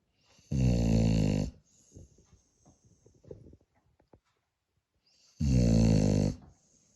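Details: Spaniel dog Holly snoring: two loud, buzzing snores about five seconds apart, with soft breathing and small noises between them in a quiet room.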